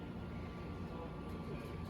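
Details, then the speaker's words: Draeger Reanimator F120 transport ventilator on a TI500 transport incubator, set up for nasal CPAP transfer, switched into CPAP mode; steady low rushing hum with no rhythmic breath pulses or rate: continuous flow, no cycling. "So to switch into CPAP, you press the CPAP button, and you can hear already it's not giving you a rate."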